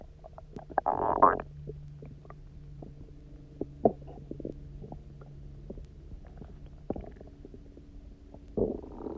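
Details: Prolonged gurgling, rumbling stomach noises with squeaky bubbling bursts after about 24 hours of near fasting, then drinking a lot of water and lying on one side: loud hunger growling, a normal gut sound.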